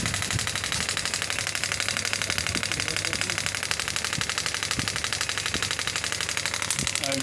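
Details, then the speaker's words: Pneumatic radial shockwave therapy device (10-bar machine) firing at three bar energy, frequency set at 12: steady, regular sharp clicking at about four pulses a second from the handpiece. "the device is ready when I will press the save it will start giving shock you can see it's three bar energy"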